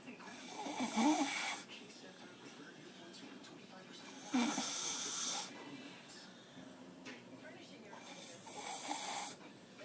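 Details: Man (fiancé) snoring: three harsh, hissing snores about four seconds apart, roughly 15 breaths a minute, over faint room noise; snoring during sleep.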